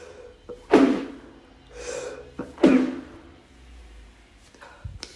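Two muffled, held-back sneezes, each a short sharp burst preceded by a quick intake of breath: stifled sneezes.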